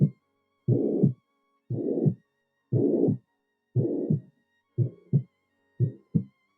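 Regular scratchy, rasping heart sounds near 59 a minute, a pericardial friction rub heard in pericardial disease.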